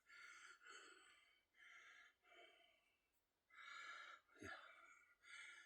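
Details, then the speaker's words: Wheezing after body-weight dips in a chest workout: fast, heavy breaths with a raspy, whistling edge; says mucus is in the upper lungs. "Yeah, the mucus is like in my upper lungs. I can hear it cuz I'm wheezing now."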